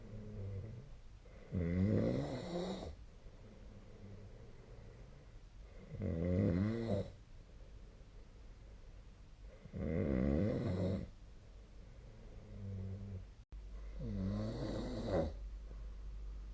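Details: Sleep snoring: regular rattling snores on each breath in, about 15 breaths a minute, with quiet breathing between; snoring.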